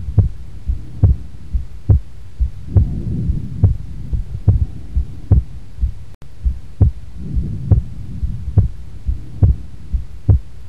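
Regular heartbeat about 70 a minute with a faint low murmur; the second sound is widely split.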